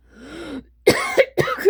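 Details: Trailing voiced word, then about three sharp, explosive coughs from an adult reporting breathing trouble and burning lungs, with sleep apnea and small-airway concerns; cough.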